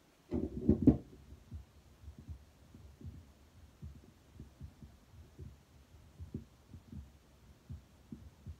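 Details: Heart sounds through a Littmann Cardiology stethoscope, with auscultation at the mitral, tricuspid, Erb's, pulmonic and aortic sites: a brief scrape of the chest piece, then soft, regular low heart thumps.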